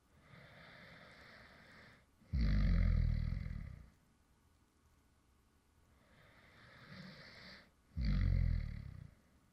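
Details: Man's real light snoring, recorded after he fell asleep mid-recording: two slow breath cycles, each a soft inhaled rattle then a louder rough low snore, about six breaths a minute; snoring during sleep.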